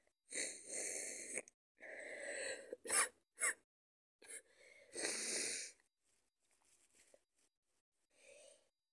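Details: Person sick with a cold, with snot and cough, gives several forceful, hissing sneeze bursts in quick succession, then a few quieter snorts and breaths; sneezing.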